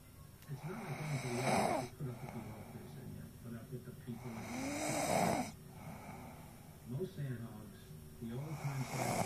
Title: snoring